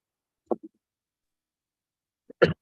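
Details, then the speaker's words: Person with a really bad, ongoing cough plus sore throat and fever, still coughing during an online call: two short, sharp cough bursts separated by silence. "I'm just having really bad cough and sore throat and fever."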